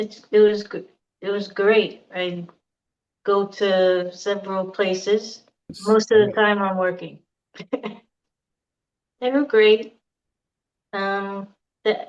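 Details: Aphasia in an adult female survivor of a hemorrhagic stroke in September 2018, who could not talk for two years afterward.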